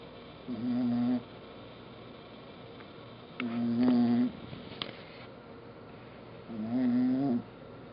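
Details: Snoring: three soft, buzzing, slightly tonal breath sounds, about one every three seconds.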